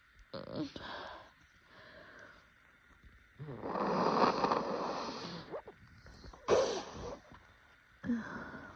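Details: Adult in an allergy-season sneezing fit: quick gasping intakes followed by several forceful, wet, explosive, congested sneezes over faint music.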